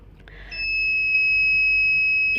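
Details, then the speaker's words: Infusion pump switched on with its on/off button during a setup demonstration: button click then steady high-pitched electronic tone; normal power-on beep. "तो सबसे पहले हम यहां से इसको on off करेंगे तो यहां से इसको दबाए ऑन ऑफ तो ये स्टार्ट हो जाता है ठीक"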